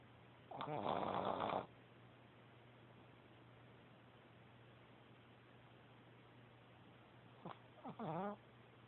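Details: Snoring: two rasping, fluttering snores several seconds apart over a steady background hum.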